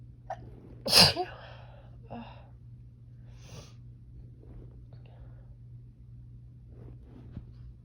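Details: Woman sneezing at night during a summer sneezing fit, allergy flare attributed to heat: one loud, sharp sneeze with a short lead-in breath, then quiet breathing in a still room.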